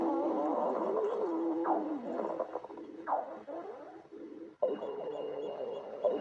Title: Top GF stomach growling